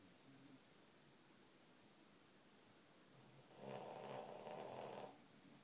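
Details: Boston Terrier snoring while napping with her sister: a faint snore, then a louder rattling snore of about one and a half seconds.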